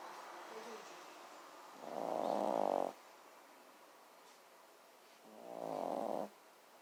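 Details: Sleeping dog snoring: two rattling snores on breathing in, each about a second long, separated by quiet pauses.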